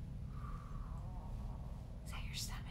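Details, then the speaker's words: A man's stomach growling (borborygmi) during a live talk: a faint, wavering, drawn-out gurgling tone over room hum, then a brief breathy voice sound. "Totally my stomach. So, did you guys hear that? His stomach know. Totally just growled."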